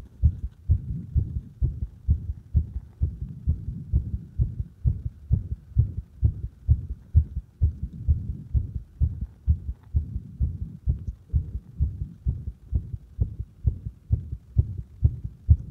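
Regular low thumping heartbeat about 65 a minute, heard at the apex with firm stethoscope pressure; normal heart sounds.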